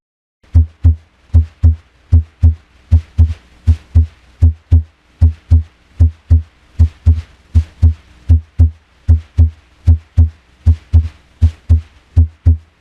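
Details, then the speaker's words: Steady paired lub-dub heart sounds at about 78 beats a minute on cardiac auscultation; normal first and second heart sounds, S1 marking the start and S2 the end of ventricular systole. "escuche los ruidos cardíacos normales de s1 y s2"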